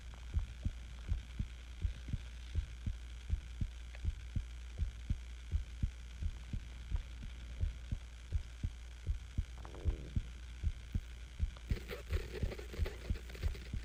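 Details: Own heartbeat recorded while sick with the flu: soft, regular heartbeat thumps at about 81 per minute under a steady low hum, with brief rustling near the end.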